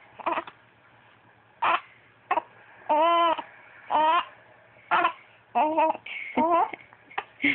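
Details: Infant girl with hiccups while vocalizing: short coos and cry-like vocal bursts with quiet gaps, and brief sharp hiccup sounds.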